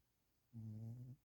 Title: volume up for kitty snores